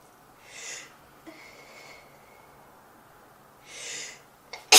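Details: Sneezing recorded from a model: two soft, breathy, hissing bursts a few seconds apart against quiet room noise, with a click at the end.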